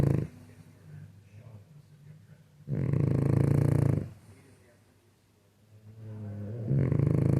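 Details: Sleeping flat-faced dog: low rumbling snore bursts with a soft growly rasp between them and quieter breaths in the gaps; snoring.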